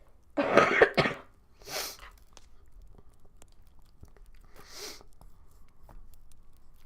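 One loud two-part cough from an adult, then two soft breathy sniffs or breaths, linked to a lingering cold.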